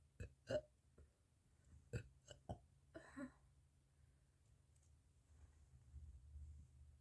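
Several short, low burps in the first few seconds, then quiet room noise.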